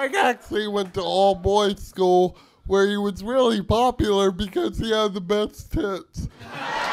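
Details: Adult male comedian, live stage microphone; dysarthria (cerebral palsy).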